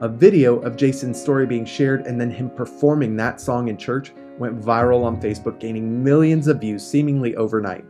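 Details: Adult male narrator; Ordinary speech.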